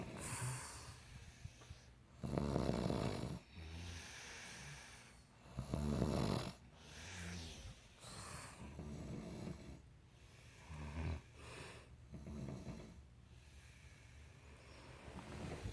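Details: Sisters sleeping, irregular overlapping snores and snorts of varying loudness against faint room noise: snoring.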